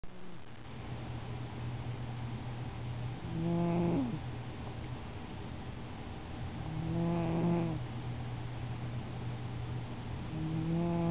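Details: Sleeping cat snores loudly and tonally on each breath, about 17 a minute, over a steady low rumble; cat snoring.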